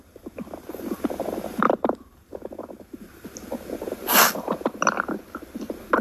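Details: Animal's stomach growling: irregular gurgling and rumbling bursts, some squeaky, from gas and fluid moving through the gut.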